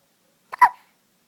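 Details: Young girl being babysat with really bad hiccups: a single short, abrupt hiccup with a brief catch before it.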